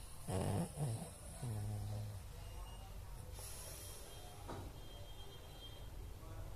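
Low rumbling, snorting breath sounds over a couple of breaths, then quiet room noise; snoring in a flat-faced dog.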